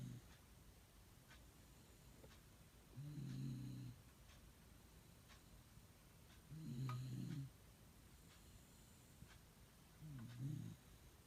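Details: Pet dog snoring while asleep, recorded December 2016: low rumbling snores about every 3.5 seconds, roughly 18 a minute, in a quiet room.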